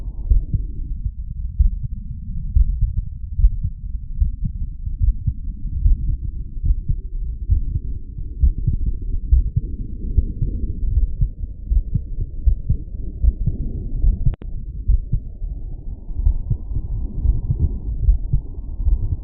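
Rapid, closely spaced low thumps of a heartbeat come through a stethoscope over the aortic area, with a steady low rumble throughout. The heart is beating fast and forcefully after physical exertion, a normal response to workload.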